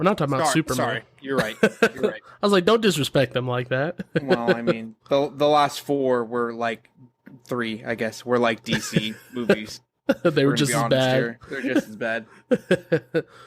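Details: Adult male speaker in casual conversation; normal voice.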